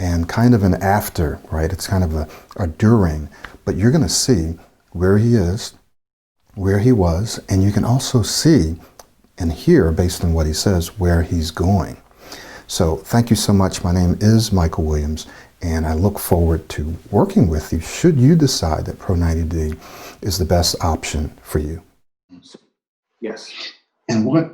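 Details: Adult male speaker; normal fluent speech.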